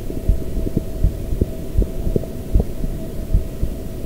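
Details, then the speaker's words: Dull, regular low thumps, roughly 80 a minute, partly buried in rumbling handling noise: the speaker's own normal heartbeat recorded through a homemade stethoscope microphone using a pediatric chest piece and a dynamic microphone; quiet, low-quality audio. "so the question is can we hear a heartbeat with it all right let's see if this works well the audio quality is not exactly fantastic but it does work"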